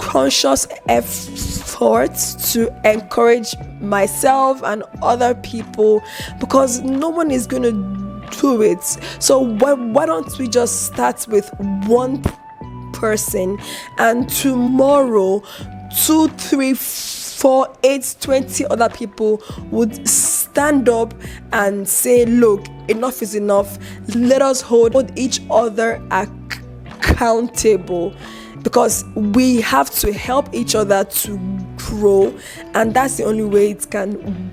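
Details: Adult woman with a chronic stutter (stammer), publicly disclosed about two weeks earlier; she reports eye twitching and unusual mouth movements during blocks, managed by gesticulating and deep breaths; stuttering.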